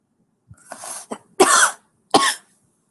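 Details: Person sick with a suspected flu, so congested they say they may choke on their own spit, who coughs during a livestream: throat clearing followed by two forceful, harsh coughs.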